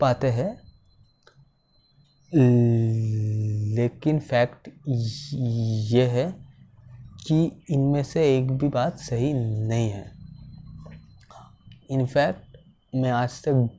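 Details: Male civil engineer who stammers, speaking Hindi about stammering as his own experience; stammering.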